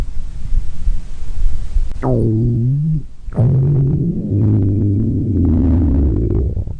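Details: Ordinary stomach growling (borborygmi): low, drawn-out gurgling growls that slide down in pitch, then a longer rumbling growl.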